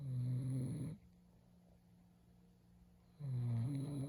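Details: Person who snores habitually, recorded asleep; deep, rattling snores separated by a quiet pause of about two seconds; snoring.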